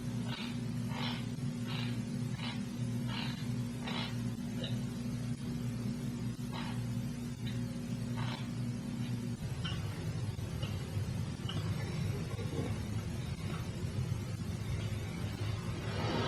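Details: Nocturnal sleep bruxism recorded during sleep-lab observation at the University of Montreal: rhythmic grating teeth-grinding clicks over a steady low room hum.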